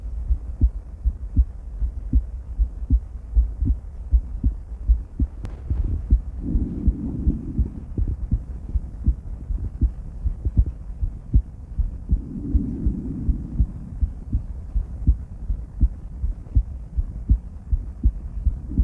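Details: Female adult heart auscultated with different stethoscopes at Erb's point, then the mitral, tricuspid, aortic and pulmonic areas: steady lub-dub at about 80 beats per minute with brief stethoscope rustling; normal heart sounds.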